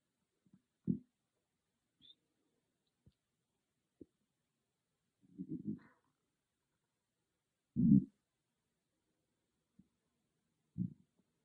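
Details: Own stomach growling recorded with an iPhone microphone, not an ASMR microphone: scattered low gurgles and rumbles, a few of them loud, separated by silence; ordinary bowel sounds (borborygmi).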